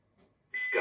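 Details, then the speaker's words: Loud steady electronic alert tone from a Philips HeartStart FRx AED after heart rhythm analysis, with Polish prompts to stand clear and press the flashing orange shock button; AED shock-advised alert tone. "defibrylacja Odsuń się od pacjenta teraz wciśnij pomarańczowy migający przycisk defibrylacje wykonano"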